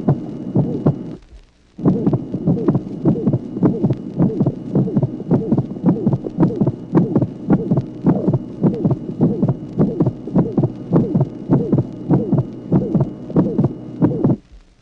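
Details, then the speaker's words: 1966 teaching auscultation record, tracing 11: heart sounds at about 105/min with a high-pitched musical systolic ejection murmur and a split second heart sound. "Tracé numéro 11. Souffle d'éjection musicale de haute tonalité associé à un dédoublement du deuxième bruit."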